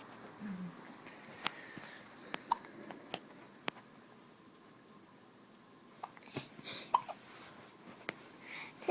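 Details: Hiccups in twin babies hiccuping at the same time; several short, sharp clicking gulps at irregular intervals in a quiet room.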